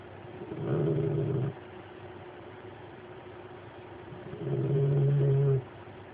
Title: snoring